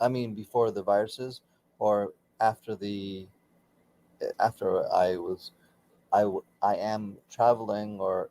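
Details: Aphasia for about 16 years after a stroke during surgery, with right arm and leg affected, in a man still working daily with speech pathology.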